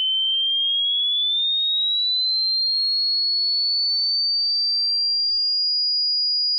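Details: A steady, pure whistle-like tone slowly rising in pitch; a hearing test tone.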